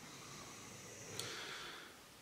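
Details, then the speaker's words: A dog sleeping nearby in a quiet room, snoring as hard as it can before being woken. A single snorting, breathy snore. "J'ai mon chien qui ronfle à côté. Oh, incroyable. En train de ronfler tant qu'il peut."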